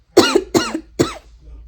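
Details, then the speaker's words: Three quick, harsh cough bursts in a row ending with a faint breath, from an adult woman who is sick, who says she has been coughing and has a headache. "I'm not also feeling well because I've been coughing and my head has been paining me."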